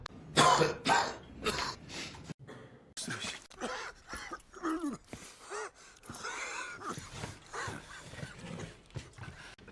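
Several harsh, explosive cough bursts and throat clearing from acted film scenes, followed by muffled speech and room noise.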